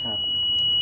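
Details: Steady high-pitched electronic tone from a defibrillator set to DEFIB mode during a routine 30-joule pre-use test shock, charged then discharged into the tester; defibrillator shock delivery tone.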